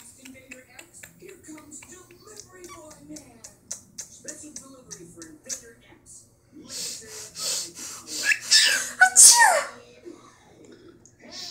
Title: Cockateil sneezes